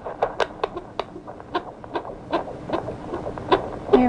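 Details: Rapid, soft, swishing beats near 145 a minute, within the normal fetal range. Fetal heart sounds.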